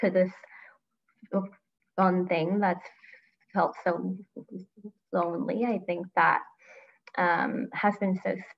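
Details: Adult woman who stutters and grew up covert about it, with part-word repetition; stuttering.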